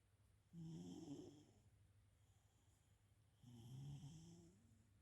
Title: Cat's snores.